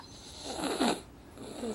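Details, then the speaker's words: Sleeping baby, hot with red cheeks, snoring because he can't breathe well: a single rough, fluttering snore on a breath, with quieter noisy breathing around it. "Those red cheeks. He's hot. He's snoring because he can't breathe."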